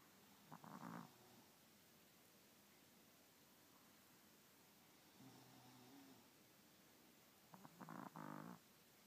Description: Cutest dog in the world starts snoring after drifting away into sleep.